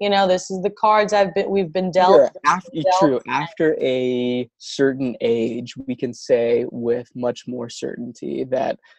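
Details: Adult who stutters, with words and syllables getting stuck and not produced at the right time; stuttering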